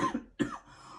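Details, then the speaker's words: Cough from an adult woman during a spoken recording. "excusez-moi je sais que c'est peut-être pas forcément agréable d'écouter une vidéo où on tousse"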